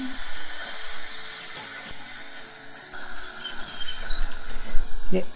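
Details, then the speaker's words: Ultrasonic scaler removing staining from lower front teeth after archwire removal during orthodontic wire replacement, performed on a staff member in training: steady high-pitched hiss and whine with water spray and light scraping, then brief movement noise. "そしたら超音波でクリーニングしていきます。じゃあお願いします。少し顎引きます。"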